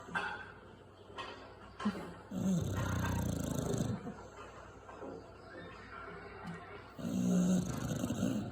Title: Bulldog Snoring